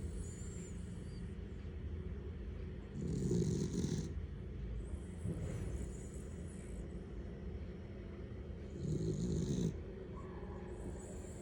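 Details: Pet snoring in its sleep: two low, rough snoring breaths over a steady hum of room noise; ordinary snoring.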